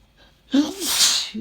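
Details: Adult reading a light novel aloud before morning medication: single loud sneeze with a quick breath in beforehand, interrupting the reading.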